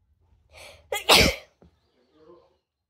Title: Wide Nose Sneezes Philippines.